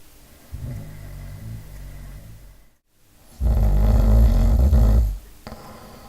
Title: Typical snoring profile - timing analysis and audio examples